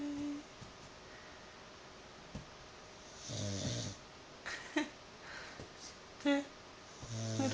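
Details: A sleeping bulldog gives irregular low snoring snorts and rumbling breaths, with quiet room noise between; ordinary snoring.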